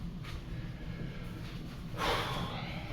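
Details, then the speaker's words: A 50–51-year-old with heart failure (ejection fraction 18%) and an irregular heartbeat, wearing a LifeVest defibrillator, breathes heavily with a snorting gasp after putting on a shirt: breathlessness. "Already out of breath, of course. Part of heart failure is you don't get a lot of oxygen. So, apologize for being out of breath."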